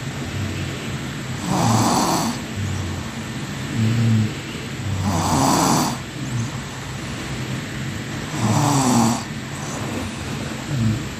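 Rhythmic rough snores, three clear cycles at roughly 18 a minute, with breathy noisy bursts over steady room hum. Ordinary snoring.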